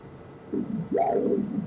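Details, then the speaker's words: Normal middle hepatic vein Doppler on an adult male during breath-hold: rising and falling whooshing flow sounds, a classic upside-down W waveform with hepatofugal flow. "we have a classic hepatic vein Doppler waveform here but we have our upside-down W which is what we want to see a blood leaving the liver which is hepatic fugal"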